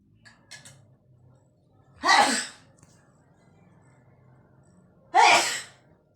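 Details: Mother cat sleeping with her kitten gives two sharp, hissing sneezes about three seconds apart, with faint rustles before and quiet room hum between; sneezing.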